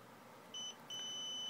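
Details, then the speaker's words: A short high electronic beep, a brief pause, then a longer continuous beep: infusion pump alarm while a TPN line is hooked up, beeping because the connection wasn't made fast enough. "Push it on tight. It's beeping at me because I wasn't fast enough."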